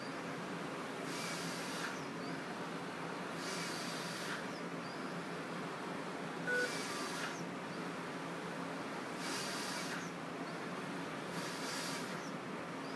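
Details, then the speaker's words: Respironics V60 non-invasive ventilator in BiPAP mode, demonstrated by a presenter breathing through the circuit so that it triggers breaths. Regular airflow hisses about every 2.5 seconds, about 24 a minute. "okay so it automatically will trigger on as soon as I start breathing through the through the circuit here and hung up on that"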